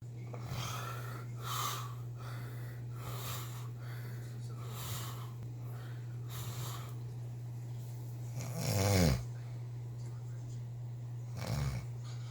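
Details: Person snoring in sleep, recorded 6.9.18: repeated rough snoring breaths with a couple of louder snorting, throaty snores over a steady low room hum; snoring.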